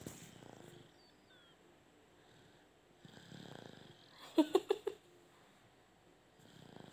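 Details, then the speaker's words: Young animal snoring in sleep: soft, rasping breaths about every three seconds with a brief cluster of short snorts midway. "ngorok guys. Dengarkan ngoroknya guys."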